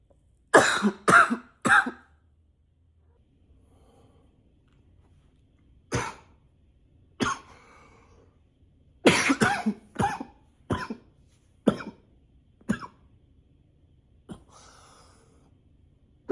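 About a dozen dry cough bursts, some in quick runs of two or three, with pauses between: a persistent cough.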